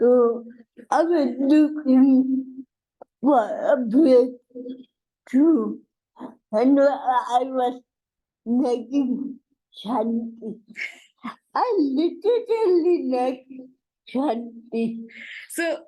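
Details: Dysarthria in an adult woman with cerebral palsy, real speech.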